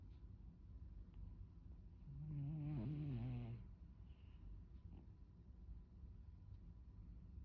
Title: 꿀잠 자는 고양이. snoring cat #cat #mainecoon 코골이 하는 고양이